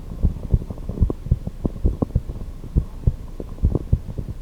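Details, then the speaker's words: Heartbeat recorded with a stethoscope recorder plugged into a computer for a heartbeat music project: repeated low paired thumps, first higher and second lower, with faint hum behind; normal heart sounds. "okay so let's listen to how that sounded so you can hear some pretty clear heartbeats there so I'm just gonna for this purpose just find one clear heartbeat"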